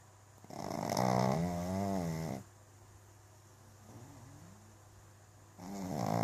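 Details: Pug dog snoring: loud, low, rattling snore on an inward breath, a quiet gap, then another begins.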